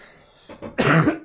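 Two small throaty catches followed by one harsh, louder cough burst: reflex coughing after a sip of water went down the windpipe.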